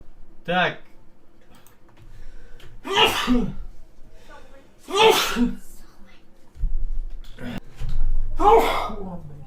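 Three loud explosive sneezes in quick succession, each with a sharp burst of air, in a quiet room.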